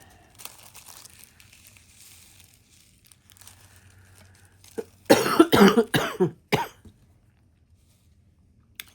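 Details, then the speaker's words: An adult woman who says she still has a cold gives a short run of coughs and throat clearing after several seconds of quiet room noise. "Excuse me. As you can still as you can hear, I still have some cold in me, but um that's so excuse my my noises"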